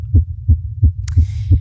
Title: 20 min. of very fast female heartbeat. Microphone picks up heartbeat